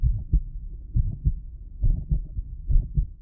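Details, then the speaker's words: Heart sounds of a 16-year-old girl with mitral regurgitation, recorded while she holds her breath. Low beats at about 69 per minute with a soft murmur filling the gaps; breathing changes how the murmur sounds. "the same 16-year-old girl with mital regurgitation holds her breath and the murmur changes that's because breathing affects how blood moves through the heart shifting what we hear with each inhale and exhale"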